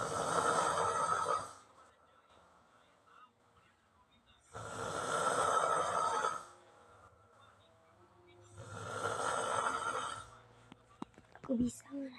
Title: ada yang ngorok🤣🤣🤣🤣🤣🪤